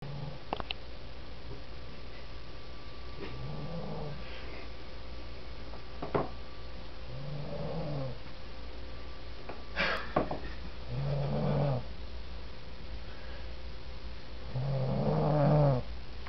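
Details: Snoring from a woman who walked into a room and passed out asleep: four deep, rumbling snores over about sixteen seconds, roughly one every four seconds, with a steady room hum.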